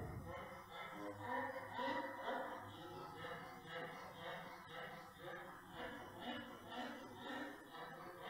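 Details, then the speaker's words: Brachycephalic dog, with pugs discussed, in respiratory functional grading for obstructive airway syndrome: rapid breathing with a high-pitched, squeaky, musical noise on each breath, laryngeal stridor. "this is larynx okay so that's larynx if you hear that in a brachiophilic dog it's larynx"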